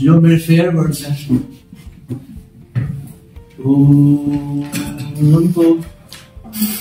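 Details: Stuttering in a man who stammers, giving a self-introduction speech; prolongation technique and costal breathing are referenced.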